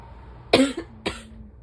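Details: Barking asthma cough with sneezes just after waking on an autumn morning, ragweed pollen season: two harsh, explosive coughs half a second apart, tonal rasp after the second, quiet room.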